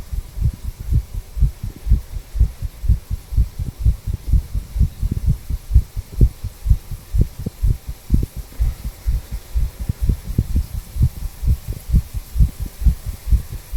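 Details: 34-year-old male, stethoscope at tricuspid valve area: steady, regular paired low heart thumps at about 60 beats per minute with faint background hum; normal heart sounds.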